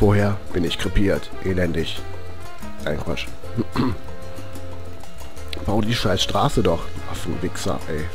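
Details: Self-styled Tourette Gamer with Tourette syndrome, commenting on gameplay in German; Tourette syndrome with vocal tics and coprolalia.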